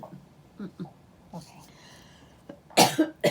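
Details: An adult mother has a coughing fit during conversation: several soft throaty coughs followed by two loud, harsh bursts of coughing in a quiet room.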